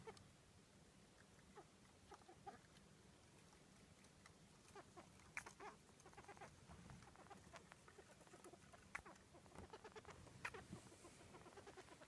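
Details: Quiet, frequent tiny clicks, sneezes and squeaky chirps from a pet mouse with a respiratory infection at its peak, after fluffy dull fur, isolation and laboured breathing.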